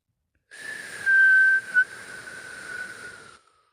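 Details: He has fallen asleep on the couch; one long breath with a steady high whistle through it: a whistling snore.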